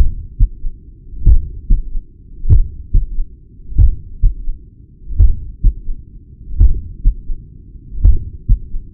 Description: Heart murmur and third heart sounds S3 captured at apex with the Stemoscope device.